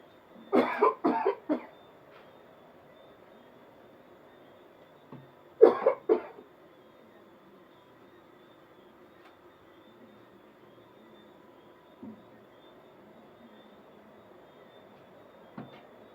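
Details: Man acting a coughing-up-blood prank on his wife: two clusters of three to four rapid coughs in a quiet room, an acted cough.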